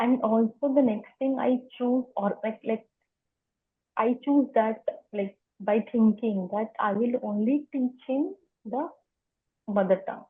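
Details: Adult woman who has stammered for as long as she can remember, speaking spontaneously in an interview; stuttering.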